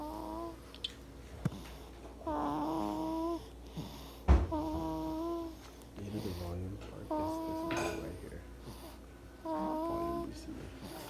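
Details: Snoring, described as either singing or snoring: repeated tonal, whistling, almost sing-song snores with each breath over a steady room hum.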